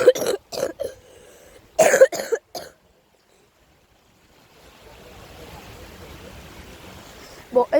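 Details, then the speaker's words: Adult with a hoarse voice at the seaside: a short run of dry, throaty coughs and throat clearing, followed by soft outdoor noise. "alors si ma voix est un peu foutu et que je tousse moment vous voilà ne m'en voulez pas"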